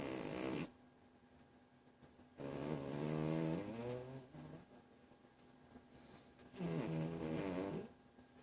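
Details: A cat in deep sleep snores: slow, buzzing, rattly snores, each over a second long, separated by quiet pauses of a few seconds.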